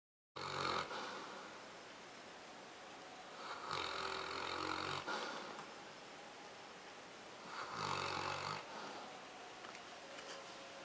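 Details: Newfoundland dog snoring: three loud, rasping snores on in-breaths a few seconds apart, with quiet breathing between.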